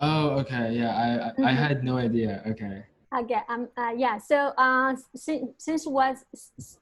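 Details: Stuttering in a male senior university student, present since about age five or six, with blocks and getting stuck on sounds.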